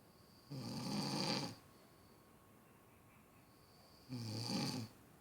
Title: Snoring piss head